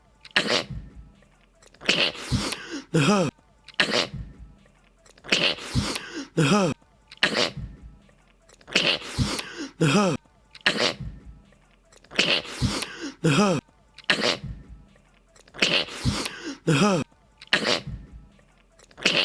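Repeated sharp sneezes, several in quick bursts, spaced a few seconds apart; a sneezing compilation.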